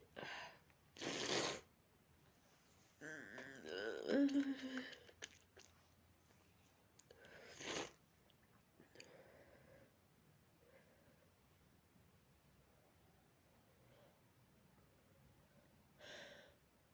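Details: Repeated sharp, explosive sneezes with breathy sounds between, from residual dog allergy with runny, itchy nose and watery eyes; antihistamines already taken but not yet working; sneezing.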